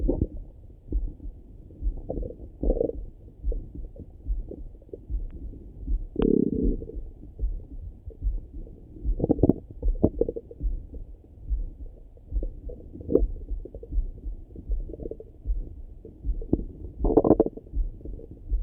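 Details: Repeated gurgling and rumbling bursts heard through a stethoscope over the stomach in the morning; ordinary morning stomach rumbling, bowel sounds (borborygmi).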